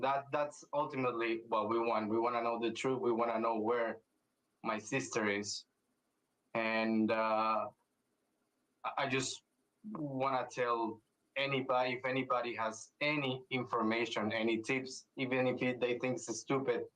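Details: Adult man speaking; Normal speech.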